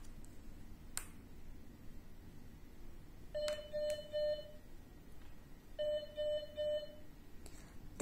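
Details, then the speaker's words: MedRena UniFusion VP50 infusion pump powering on after the power button is held: a click, then two short runs of three electronic beeps over faint room noise. "First Step switch on the palm press the power button 40 seconds to turn on the pump"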